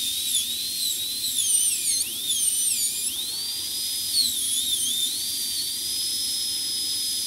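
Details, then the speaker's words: High-pitched whine of a dental handpiece rising and falling, cutting the functional cusp bevel on tooth #14 for a full zirconia crown preparation with chamfer margin; dental handpiece drilling. "so you need to hold your hand piece at an angle to in order to maintain that so we'll continue that with our functional cusp bevel and reduce that now a little bit"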